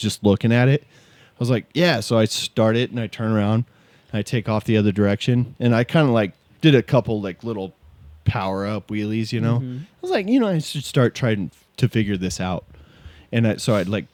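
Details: Adult man; typical adult male speech.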